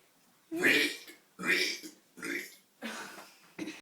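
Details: Two brothers doing deliberate burping: five loud, throaty, voiced belches in quick succession with short pauses between them.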